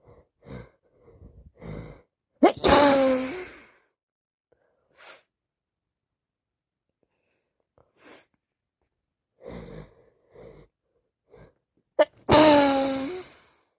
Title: Sick as dog still , sneezing, blowing, coughing